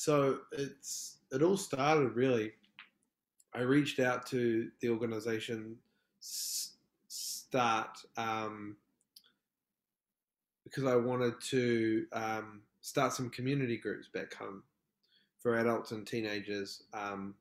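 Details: Adult man from New Zealand who describes himself as a proud person who stutters, speaking in a podcast interview; stuttering.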